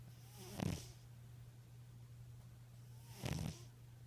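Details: Snoring in a sleeping tabby cat: two soft, low snoring breaths about two and a half seconds apart, over a steady low hum in the room.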